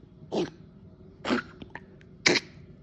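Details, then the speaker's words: Small puppy, not yet fully vaccinated, with kennel cough caught after visits to a groomer and vet: three short, harsh honking coughs with a gagging, retching quality. "all right so that is how um that's how the kennel cough sounds and that's what happened"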